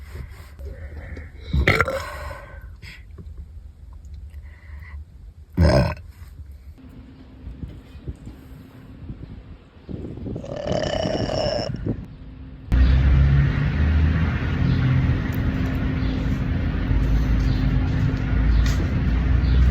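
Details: Repeated burping from a stuffed, chubby girl: several loud, low, throaty belches rising out of background noise.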